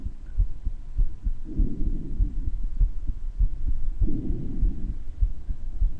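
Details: Uploader's own heart murmur recorded together with breath sounds; the murmur is heard better in some parts of the recording than in others.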